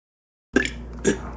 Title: never ending burping